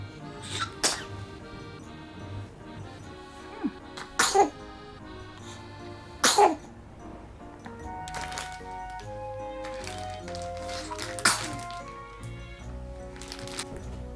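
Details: One-month-old baby boy sneezing: four small, sharp sneeze bursts spaced a few seconds apart, with soft music behind.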